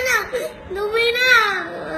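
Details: Young boy cries in drawn-out, wavering wails in a small room, upset at missing his mother's wedding, while an adult talks to console him.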